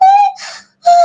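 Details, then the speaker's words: Adult imitating the wheezing of acute chest syndrome in sickle cell crisis: a high whistling breath, a rushing airy breath, then another whistle. "You can hear those sound, those wheezing sound."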